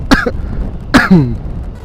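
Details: Cough from a person right after receiving a second vaccine dose; the person asks whether the coughing is a vaccine effect.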